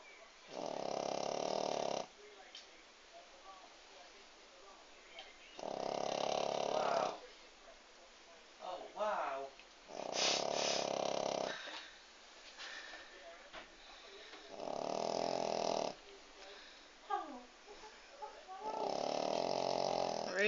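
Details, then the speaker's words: Sleeping female dog: loud rattling snores at regular intervals, about 13 a minute, with quiet pauses and small snuffles between them; snoring. "Behave with the snoring. Hey, good girl."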